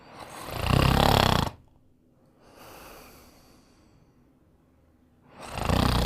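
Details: Sleeping, loud rough rattling snores on the in-breath with quieter out-breaths between, in a quiet room; ordinary snoring.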